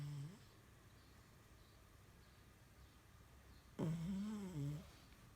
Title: Esme French Bulldog Snoring